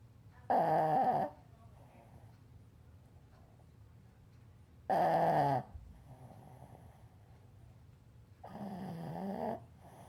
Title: Boston Terrier Snoring